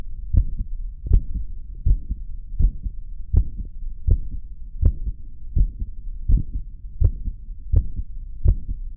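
Steady lub-dub heartbeat at about 80 a minute over a low background hum, recorded after caffeine.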